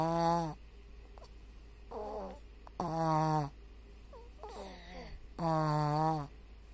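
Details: Very soft, cute snoring: high-pitched whistling and squeaky snores repeating about twenty times a minute, with small squeaks between them.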